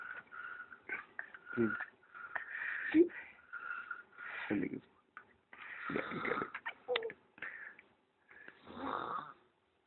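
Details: Person snoring while asleep with a strange, unusual snore, recorded by his brother.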